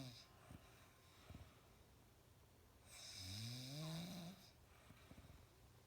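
One loud, low, rattling snore on an in-breath over a steady room noise background; typical snoring.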